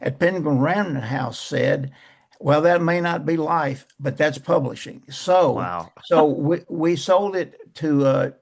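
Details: Man who still stutters, describing blocks, poor airflow, some repetitions and prolongations, and saying he no longer pays attention to it; stuttering.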